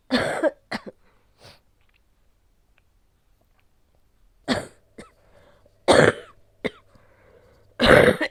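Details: Adult woman with COVID-19, caught from her child, with large amounts of sticky phlegm and a sore throat: repeated harsh, forceful coughs in short clusters, about eight, loose and throat-clearing; productive cough.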